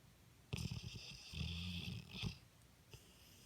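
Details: A sleeping, dreaming Pit Bull: a few low, rumbling, fluttering breaths with hissy noise; snoring.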